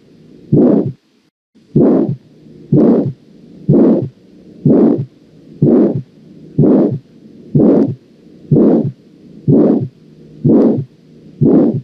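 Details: Auscultation of aortic valve stenosis: regular heartbeat about 62 a minute, each beat carrying a harsh crescendo-decrescendo whooshing systolic ejection murmur characteristic of aortic stenosis.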